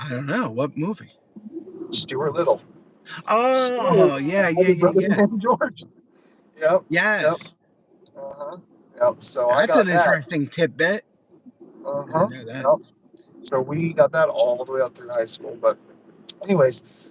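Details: Stuttering in a male who has stuttered since childhood; it mostly went away, returned during military service and still recurs.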